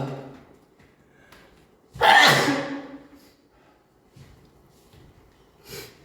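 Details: Sneezing during an hour-long live stream on 2021-09-17, when he was also sniffing and coughing: one loud explosive sneeze in a quiet room, followed by a softer sniff.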